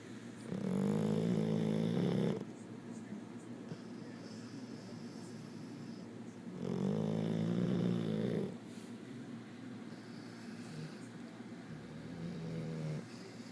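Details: Loud dog snoring in sleep: rough, rattling snores on slow breaths in, about two in 13 seconds, with quieter breathing between.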